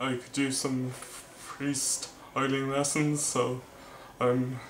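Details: Male vlogger who stammers; stuttering.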